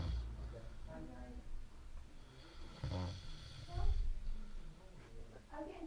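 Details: Low, rough, rattling snoring breaths from a drunk adult male friend asleep; snoring gets worse towards the end of the recording.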